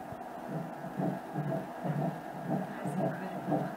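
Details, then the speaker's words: First pregnancy ultrasound scan with colour Doppler showing the embryo's heart in the gestational sac: rapid rhythmic whooshing pulses, roughly 120 to 150 a minute, a fetal heartbeat. "we call this the blood of the way here and we're going to hear the sound of the heart okay oh my god"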